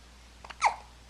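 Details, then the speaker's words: A single short, sharp hiccup-like catch of breath in a quiet room, recorded with a Flip Video camcorder in March 2010, while several "girls" are awake; hiccups. "Everyone have the hiccups? Wide awake too, huh?"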